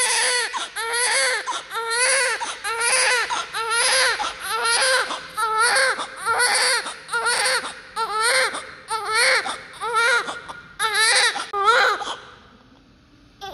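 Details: Newborn baby crying loudly with active lungs: loud, rhythmic crying with strong repeated wails about once a second, a vigorous newborn cry.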